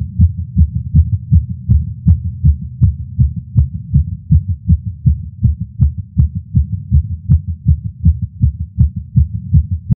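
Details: Male's heartbeat via Stemoscope stethoscope while smoking a cigar after a long break, feeling lightheaded: fast, regular, strong low thumps at about 160 a minute; tachycardia after nicotine.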